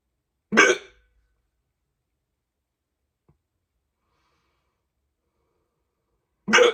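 Two loud, abrupt hiccups about six seconds apart with silence between, typical of repeated hiccups.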